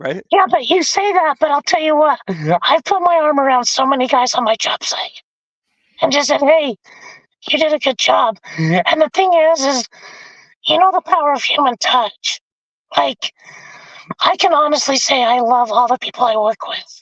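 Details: Adult man with vocal fold paralysis after a four-wheeler accident at age 25 that split his trachea and tore his oesophagus; tracheostomy removed after 2 months; scope still shows paralysed cords; over 25 years since onset.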